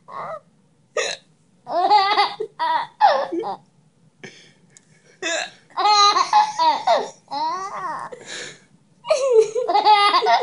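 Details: A young child's giggles and laughter are broken by sharp, brief hiccup catches of breath about every few seconds; recorded August 2013.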